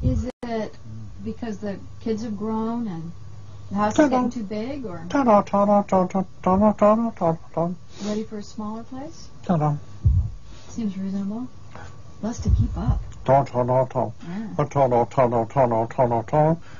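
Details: Adult speaker with a conversation partner; conduction aphasia.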